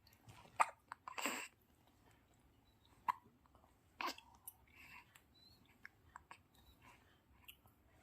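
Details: Newborn baby boy's first hiccups: several brief, sharp hiccup sounds at irregular intervals in a quiet room; infant hiccups.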